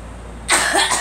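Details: Girl coughing: a single short cough over steady engine-like background hum.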